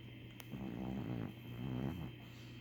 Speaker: He's 3. Sir, a 3-year-old old man Chihuahua. Or at least he snores like an old man.